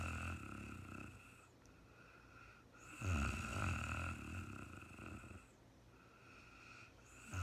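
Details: Adult woman sleeping in real time, very tired: low, rumbling snores on each in-breath about every four seconds over a steady background hum; snoring.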